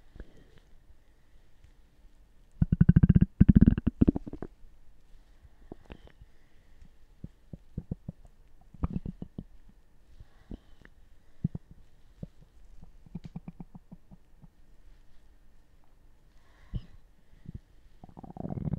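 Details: Ordinary stomach gurgling: low gurgling rumbles and irregular bubbling pops in a quiet room; normal bowel sounds (borborygmi).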